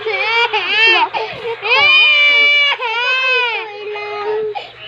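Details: Young child's loud, sustained wailing cry with sobbing breaks, crying for daddy after he left to take an online job assessment; an ordinary distress cry.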